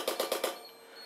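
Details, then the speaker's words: Four quick sharp clicking pulses from an SDL90ec laser hair removal handpiece pressed against skin without hair follicles in a demonstration, then a quiet hum; the exposure lasted well over a second, and the heat felt was not uncomfortable. "That was well over a second. I felt the heat, but it was not uncomfortable."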